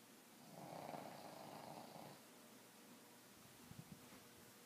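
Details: Pug snoring, stops when approached: one long, rough, rumbling breath sound, then quieter breathing with a few soft snorts; snoring.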